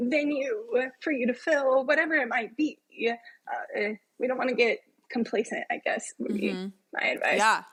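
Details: Adult woman with self-reported spasmodic dysphonia, a vocal cord spasm, heard in her speech during a podcast interview; spasmodic dysphonia.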